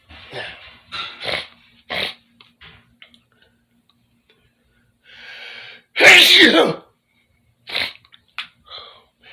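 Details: Sniffing and short nasal breaths build to one loud, explosive sneeze, then a brief hiss of air and quieter sniffs, in a bedroom: sneezing.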